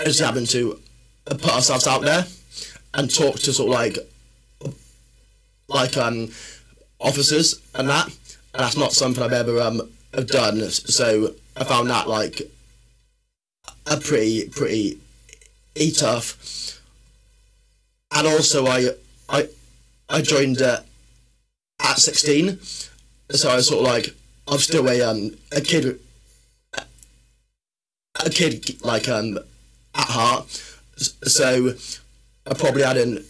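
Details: Adult male, former army medic, with a stammer since about age six that worsened in secondary school, improved after leaving the army, and is worse when tired, stressed or nervous; stuttering (stammering).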